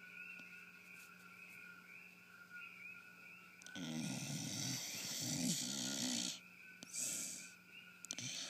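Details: Pit bull dog snoring while asleep and apparently dreaming: a long, loud, rattling snore on the in-breath, then a softer second one, over a steady background hum. Snoring.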